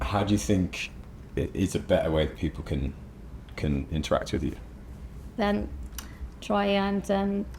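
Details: Adult male speaker; normal speech.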